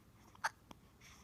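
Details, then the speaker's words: Baby boy with hiccups after being fussy earlier: two short, sharp catches of breath less than a second apart in a quiet room. "There was fussy earlier. Yeah. And then the hiccups came."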